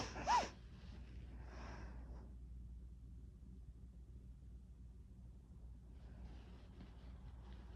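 One sharp, explosive sneeze with a soft breath after it, then a quiet room with a low hum. An ordinary sneeze.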